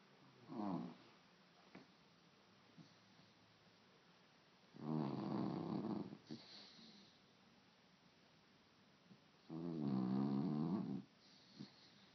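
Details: A sleeping puppy snoring loudly: slow, rough, rattling snores about every five seconds with quiet between them.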